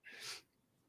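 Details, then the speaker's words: Adult man with a food allergy of unknown trigger, congested and snotty, which brings on fits of 10 to 20 sneezes in a row. "um it hits randomly and I sneeze like 10 to 20 times in a row and by the time I'm done I look like I've smoked about 40 Blunts and there it goes"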